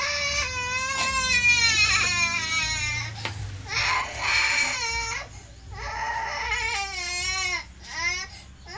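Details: Loud, sustained, high-pitched wailing cries in repeated bouts with short breaths between: a baby crying, with faint room noise.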